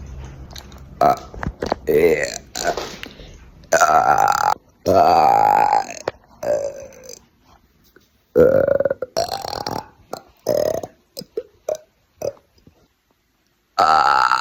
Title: burping on command